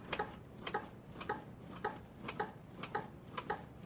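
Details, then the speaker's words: CPR metronome giving steady ticking double clicks set at about 110 a minute, within the 100–120 range, pacing chest compressions as firefighters demonstrate CPR and apply an AED to a mannequin. "turned it on we have a metronome that's a beat of 100 to 120 hours is set at about 110"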